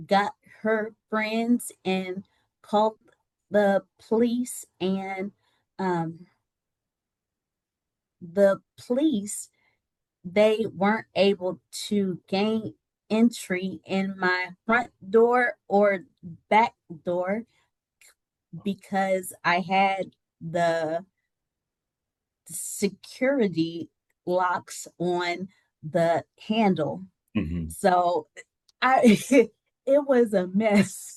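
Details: Adult woman with aphasia after a stroke that left her unable to speak, recovering with speech-language therapy via an app; the speech shows word errors and self-corrections.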